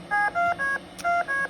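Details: Adult on non-invasive BiPAP ventilation via face mask: a quick series of five short electronic beeps of different pitches from the ventilator's controls as a pressure setting is changed.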